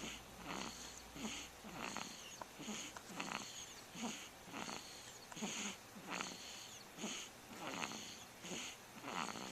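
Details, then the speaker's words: Snoring baby recorded on a Flip Video camcorder: soft, regular, raspy breathing sounds about 40 times a minute, repeated with each breath during sleep, as light snoring. "is snoring."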